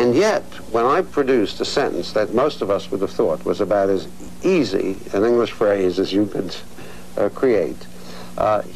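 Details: Adult male speaker; normal speech.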